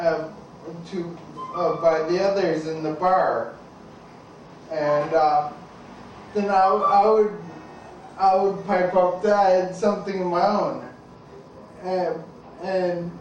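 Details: Adult man with an undiagnosed, progressive ataxia that began in 1986, with gradually more slurred speech and unsteady walking with loss of balance: ataxic dysarthria.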